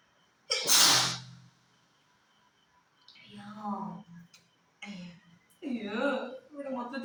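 A single loud, explosive sneeze, followed by a few short vocal sounds afterward.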